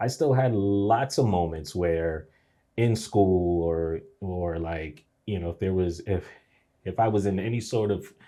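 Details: Adult man whose stuttering began after a nightmare at age three; audible word repetitions; stuttering.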